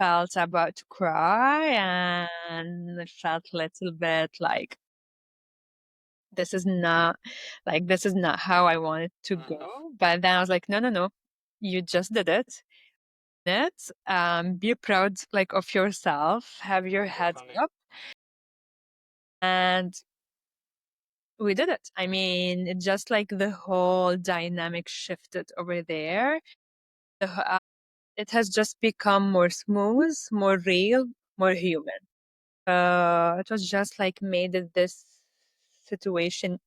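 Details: Adult Lebanese woman who stutters and speaks three languages; stuttering.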